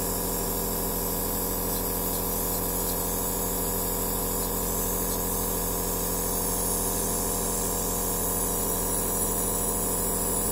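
Constant buzzing compressor drone with rapid even pulsing and airy hiss, typical of a nebulizer in operation.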